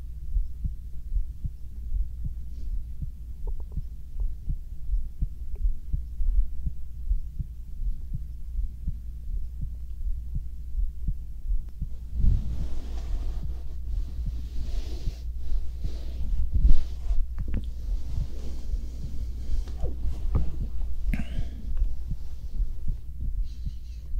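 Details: Binaural ASMR recording of a man's heartbeat as he lies beside the listener to co-sleep, later actually asleep; stomach sounds may be included. Steady, regular low thumps with a soft hum and later bedding rustle. Normal heart sounds.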